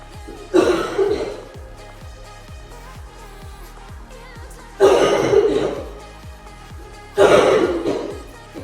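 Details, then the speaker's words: Cough from an adult exercising with her baby during a home workout, who says she doesn't feel well. "I'm sure you can hear me coughing. Part of it I don't feel so good."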